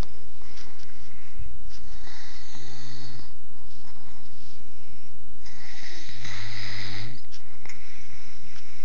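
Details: Snoring, in a recording uploaded from an Android phone: two long, low, rattling breaths a few seconds apart with a voiced grumbling tone, heard against room hiss.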